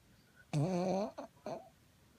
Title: Mtbl snoring